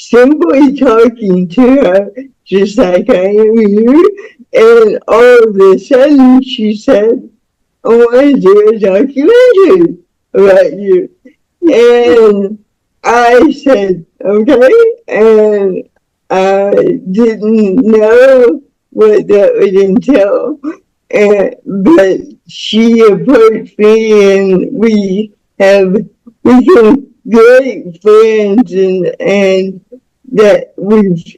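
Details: Woman about to turn 49 with spastic cerebral palsy since birth, who was born with the umbilical cord around her neck five times; real, unacted speech; dysarthric speech in cerebral palsy.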